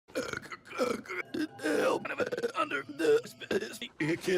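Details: Rick and Morty Season 1 cartoon burps, acted for television: several voiced belches running into slurred speech in a cartoon voice; repeated burping and belching.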